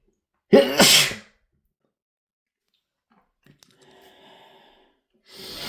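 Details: A loud, explosive sneeze from a male, followed by a softer breathy sound and the start of another sneeze; loud rapid sneezing.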